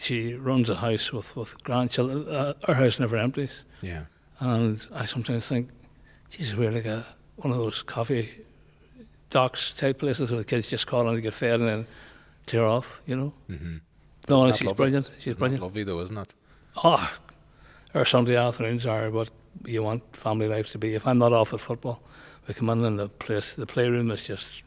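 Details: Male nearly 65 with Parkinson's disease who noticed a voice change before diagnosis and has word-finding difficulty; hypokinetic dysarthria (Parkinson's disease speech).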